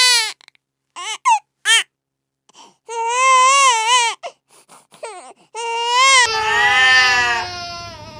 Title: The cat grew weary of the child’s crying 🙀🤣#cat #funny #funnyvideos #baby #kids #funnyanimal